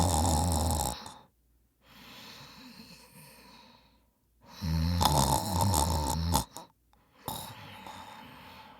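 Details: Brother snoring heavily during sleep: loud, rough, rattling snores on the in-breaths with softer breathing out between them, about three snores in nine seconds.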